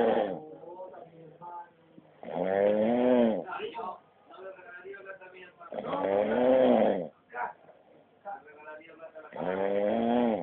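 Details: Loud, rough, buzzing snores about every three to four seconds, roughly 16 breaths a minute, with softer breathing noises between them: snoring.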